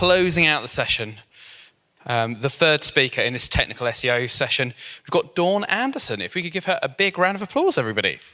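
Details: Adult male speaker; normal voice.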